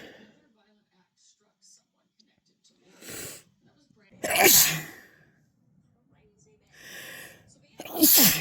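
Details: Sick person: two forceful sneezes, each preceded by a sharp indrawn breath, in a quiet room; sneeze.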